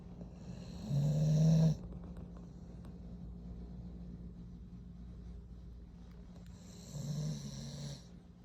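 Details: Pit bull dog snoring while asleep after a long active day: two low rumbling snores with quiet breathing between them.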